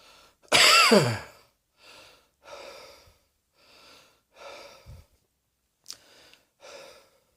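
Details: One loud cough, then a run of softer, breathy coughs and throat sounds in a small room.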